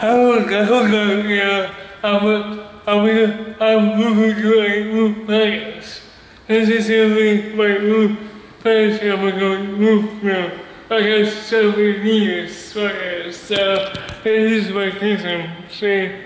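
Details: Male speaker with cerebral palsy and a speech disability; dysarthria (cerebral palsy).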